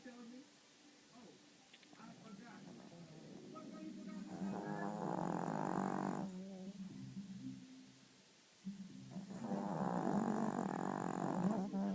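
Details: Two drawn-out, buzzing, snorting breaths separated by quieter rattly breathing, with faint background sound: snoring.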